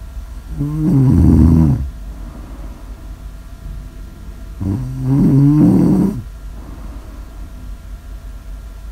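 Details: Snoring during sleep, recorded as snore ASMR audio: loud, deep, vibrating snores about every four seconds, roughly 14 a minute, with quiet breathing between.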